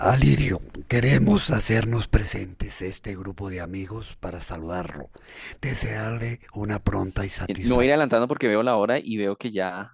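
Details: Man with unilateral vocal fold paralysis reading a passage after his second of five voice rehabilitation sessions; still hoarse but with improving vocal quality; dysphonia from unilateral vocal fold paralysis.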